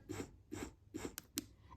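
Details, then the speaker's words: Wearable hands-free electric breast pump running in its two-in-one mode, one of four modes with nine suction levels: quick, rhythmic whooshing suction pulses at about 140 a minute. "this is the dual frequency mode. You can read more about these in the instruction manual but it does have four different modes."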